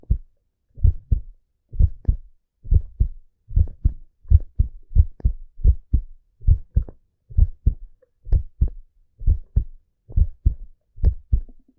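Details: Relaxing heartbeat recording: steady, regular lub-dub at about 65 beats a minute, deep thumps with clear pauses between beats; a normal heart rhythm.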